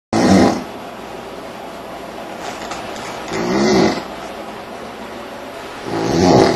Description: Needed ear plugs to survive our stay in Bermuda. Sounds like someone trying to kick start a Harley in the room.